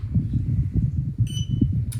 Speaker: you heard the beeping noise that was the buzzer test noise so if you don't hear it that means there's a problem with the buzzer